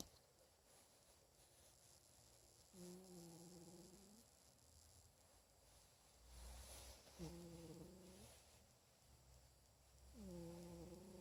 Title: My cat snoring